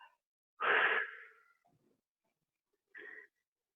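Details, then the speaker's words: A short hiss as a metered-dose inhaler is puffed after the lungs are emptied, followed by a quiet, slow inhalation over 2 to 3 seconds with the mouth open as in a yawn; correct inhaler technique. "you want to breathe it in nice and slow. When you puff it, you should breathe in over the course of 2 to 3 seconds."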